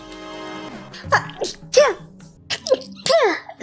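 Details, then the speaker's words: Quick series of short, high-pitched sneezes after fading background music, from a VTuber sneeze compilation; ordinary sneezing. "excuse me I sneezed it I sneezed"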